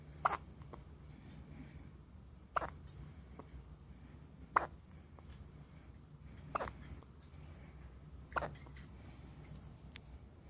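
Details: Two-day-old newborn baby with hiccups: five soft, sharp hiccups about every two seconds over low room hum.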